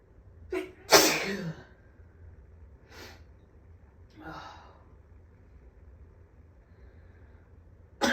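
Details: A burst of sneezes, one loud and forceful among several softer ones, after waking from a nap with a headache and watering eyes; dust allergy sneezing, with a dirty air filter suspected.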